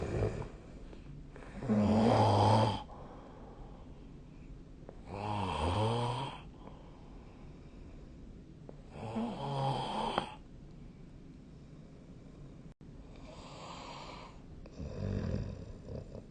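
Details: Ordinary sleep snoring recorded with the SnoreLab app on 2025/03/14: low, rumbling snores with each breath, about 17 a minute, against a faint room hiss.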